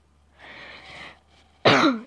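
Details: Soft noisy inhalation, then one abrupt, loud cough with a rough voiced tail, from a gamer with a hoarse, broken voice.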